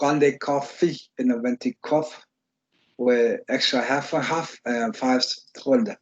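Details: Instructor imitating his own slurred speech from when he had Bell's palsy, as an example of the slurred speech assessed in stroke scales; slurred speech (dysarthria), imitated.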